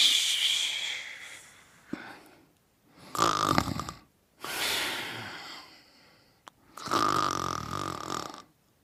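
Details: Sleeping person snoring: repeated noisy, rattly breaths, with a faint whistling edge on some breaths.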